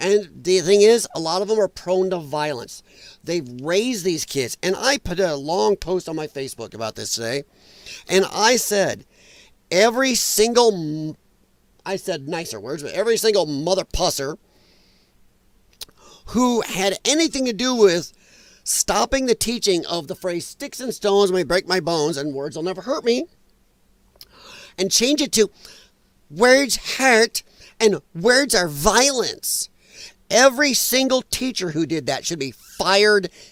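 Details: Dysphonia in a man who attributes it to vocal cord damage from infections related to his lung problem and regards it as a disability.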